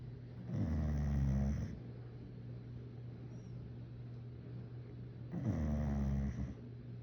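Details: Dog snoring while napping: two deep, low-pitched rumbling snores about five seconds apart, roughly 12 a minute, over a steady background hum; snoring during sleep.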